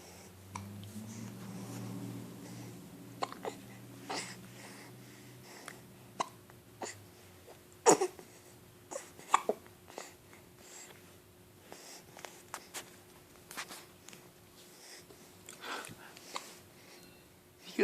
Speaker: got the hiccups. You got the hiccups. Oh. Oh no.